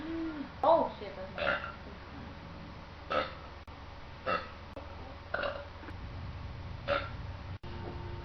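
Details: About six short, throaty deliberate burps a second or two apart over a steady low hum, from young women drinking Jolt energy drink while playing a video game.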